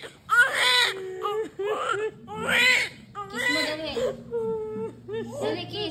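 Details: Repeated high, strong wailing cries with brief breaths between, in a quiet room: a newborn crying just after a normal vaginal delivery.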